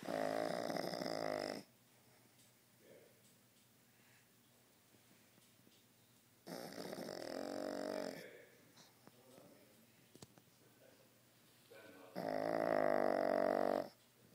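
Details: Pug napping, snoring: three long, buzzing snores roughly six seconds apart with quiet pauses between.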